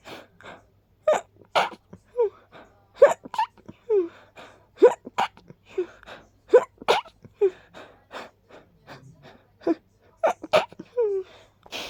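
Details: Person sneezing from pollen irritation: rapid series of small, high, squeaky sneezes with quick breaths in between; repeated sneezing.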